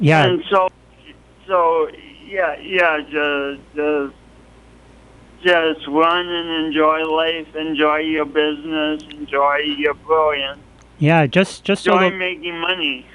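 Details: Speech impediment in an adult man, present since an early, traumatic birth with loss of oxygen, along with coordination awkwardness; the impediment is audible to listeners.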